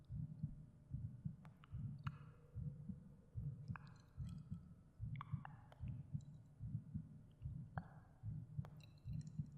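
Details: Real heartbeat with subtle breathing sounds, recorded in binaural audio and mixed with cave sound effects.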